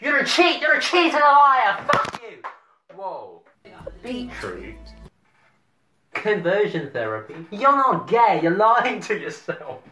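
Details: Adult speaker; Tourette syndrome vocal tics (coprolalia).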